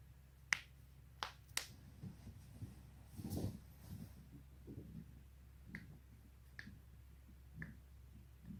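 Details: Several sharp, distinct pops and clicks in a quiet room as neck and back joints are twisted and cracked; joint cavitation.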